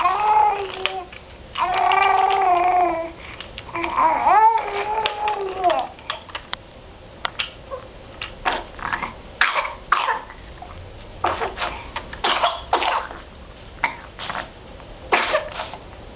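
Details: 5.5-month-old girl playing, cooing and gurgling, with several short, dry coughs between quiet gurgling sounds.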